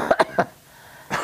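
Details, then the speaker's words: Elderly grandmother coughing at a family dinner: a burst of three quick, strong coughs, then a pause and another cough; she attributes it to medication and is recovering from an illness. "what you coughing for I don't know it's the it's um medication too"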